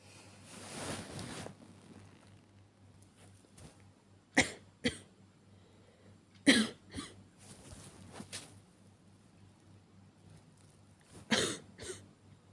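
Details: Simulated, acted cough by a woman portraying a girlfriend with cough and fever: about five short, irregular cough bursts in twelve seconds, separated by quiet breathing.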